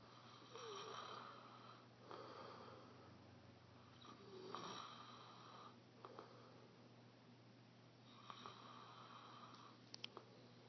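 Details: Snoring: rough, rattling sleep breaths recurring about every two seconds over steady room hum.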